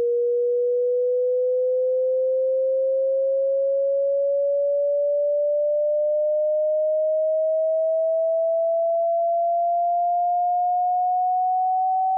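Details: Tinnitus pitch-matching frequency sweep for headphones or speakers in a quiet room: a single steady pure tone gliding slowly upward in pitch through the middle range.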